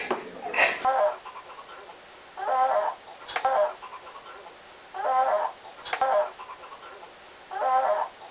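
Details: Adult man passed out asleep sitting up on a couch: loud, rattling snores recurring about every two and a half seconds, each a rough fluttering breath; snoring.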